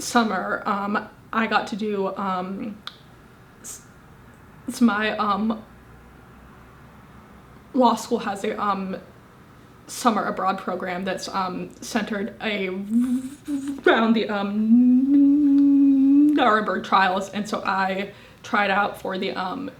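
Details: Woman, 25, with a severe stutter present since at least age 18; stuttering.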